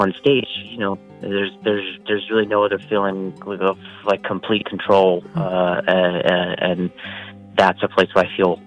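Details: Adult male stand-up comedian who stutters; stuttering.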